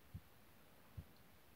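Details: Heart sounds on cardiovascular auscultation: two dull low thumps about 0.85 seconds apart over faint hiss, a heartbeat near 70 per minute.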